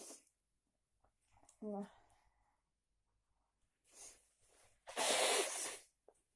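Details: A person who got cold after walking in heavy rain without an umbrella gives a short voiced sound, a breathy lead-in, then a forceful, hissing sneeze burst in a quiet room; sneezing.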